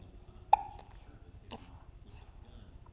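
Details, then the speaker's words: Infant boy hiccups following feeding and spit-up: two brief, sharp hiccups about a second apart in a quiet room. "too much talking give you the hiccups how'd you get those you get excited do you get excited to talk"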